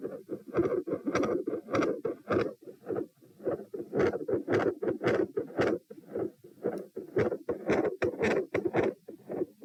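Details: Repeat test of stethoscope heart sounds recorded at position P. A pronounced respiratory phasic pattern persists despite provoking manoeuvres, with loudness and spacing varying with breathing and intensity increasing at the end. Rates 90-72-96-90-102 bpm.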